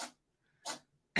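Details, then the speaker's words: Dog sneezing repeatedly during a live stream, which the owner says he does sometimes: three short, sharp, breathy bursts. "sorry you're listening to finn he's sneezing he does that sometimes so if you hear that noise that's him"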